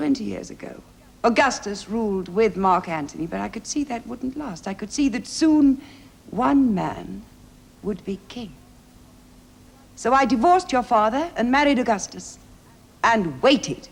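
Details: Adult woman, acted dialogue from a TV drama; normal speech.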